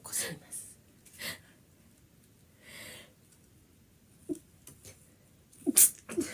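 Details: Japanese girl sneezing: two sharp sneezes a moment apart, then softer breathy sounds, with another sneeze building toward the end in a quiet room; sneezing.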